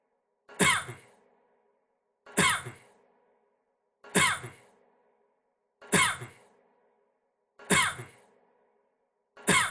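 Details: Cough (possibly looped): one identical short cough repeating about every two seconds, roughly 34 a minute, in an even pattern that sounds looped.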